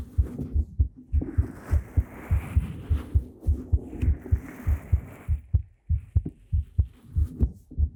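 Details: Heartbeat in a Korean ASMR talking roleplay recorded with a 3Dio binaural microphone: regular low thumps about 100 a minute with faint rustling and soft hum.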